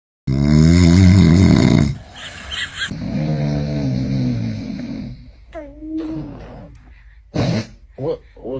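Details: Adult father snoring: a loud, low rattling snore, then softer breathy snoring, with brief infant vocal sounds as the baby reacts.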